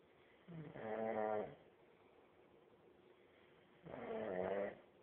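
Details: Heavy snoring: two loud, rattling snores about three seconds apart, each a harsh vibrating breath in, quiet between them; likened to a chainsaw.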